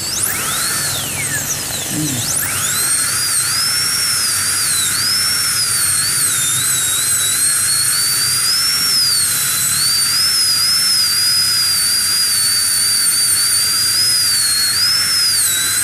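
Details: Tooth preparation (abutment grinding) using a gingival protector for a cosmetic restoration: continuous high-pitched high-speed dental drill whine wavering in pitch as the bur cuts.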